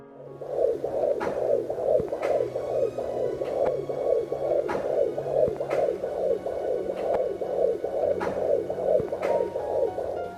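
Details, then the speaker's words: Umbilical cord blood flow on a home fetal Doppler in pregnancy: fast, regular whooshing pulses like blowing wind or running water, about 140 a minute; device typically reads around 30 for cord flow. "起血流是节奏比较快的，像吹风或者流水一样的声音。"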